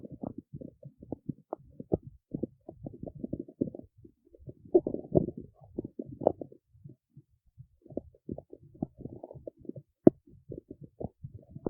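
Irregular gurgling, bubbling and rumbling pops over about twelve seconds; stomach growling, a normal sound of gut movement.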